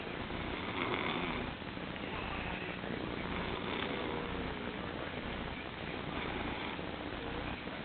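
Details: Sleeping animal, possibly a cat, snoring in an unusual position: a steady, low, fluttering rumble with no clear pauses that closely resembles purring.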